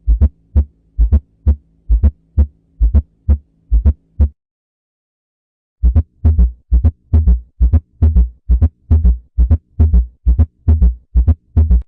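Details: Regular low heart sounds in pairs at about 67 beats a minute: an example of an abnormal diastolic heart sound.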